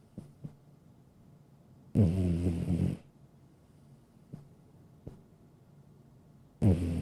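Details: A sleeping cat snoring: low, buzzy rattling bursts about five seconds apart with quiet breathing between.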